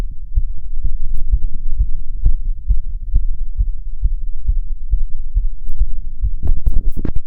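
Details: Self-auscultation while standing (orthostatic) and sitting: rapid, regular heartbeat about 130 per minute, crisp sounds, no murmur; tachycardia with otherwise normal heart sounds.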